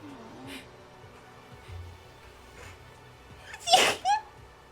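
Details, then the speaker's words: A female gaming streamer gives a quiet indrawn breath, then one sharp, loud sneeze with a short voiced tail, over faint music and game sounds; her nose feels itchy and she wonders if it is allergies or illness. "oh sorry I hope you didn't hear that sneeze"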